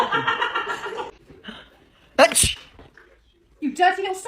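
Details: Imitated sneeze, faked with a spray bottle as a prank on the person's mother and husband.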